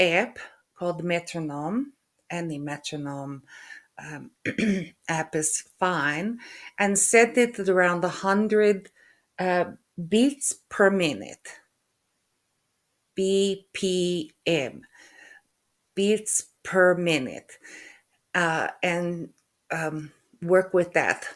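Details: Woman with aphasia after a stroke, also with functional neurological disorder; halting speech with hesitation between words, word-finding difficulty (anomia) and stuttering; aphasia.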